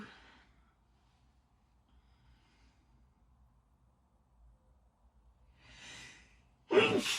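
Near silence, then a drawn-in breath followed by one sudden explosive burst of air; a sneeze.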